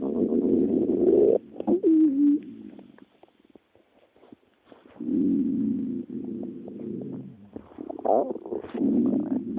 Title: My best stomach noises - meine besten Magengeräusche (Germany)